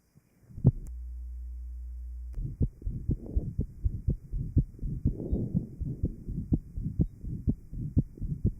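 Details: 1955 Johns Hopkins heart sound lab recording: interventricular septal defect after post-op plication (banding) of the pulmonary artery, recorded in the aortic area. Fast, regular heart sounds with a rough murmur filling the gaps: VSD murmur.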